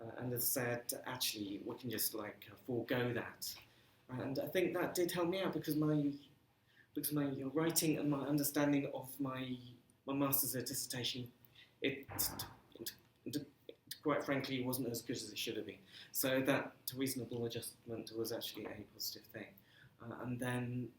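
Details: Stammering in an adult man who says he has been "breaking up" on the phone for 30 years; stammering.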